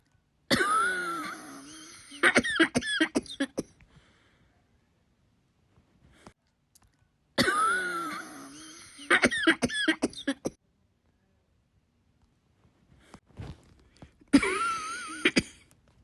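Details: Person sick with flu coughing: three bouts, each a long squeaky wheezy breath followed by several sharp coughs, with quiet gaps between.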